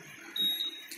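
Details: Physiotherapy therapeutic ultrasound machine being tested before treatment, set to 1 MHz, continuous mode, 10-minute timer, with the treatment head in a water bath: a single short high-pitched start beep with faint water noise behind.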